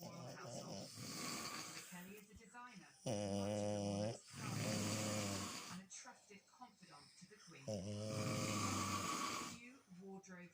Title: the snore off husband vs dog 🤣😂